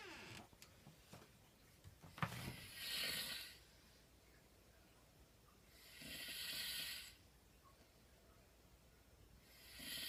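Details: Steady snoring: hissing, rasping snores about every four seconds, with quieter breaths between; snoring.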